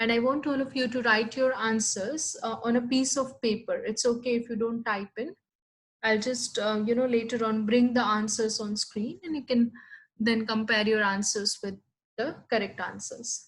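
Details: Adult woman speaking; Normal speech.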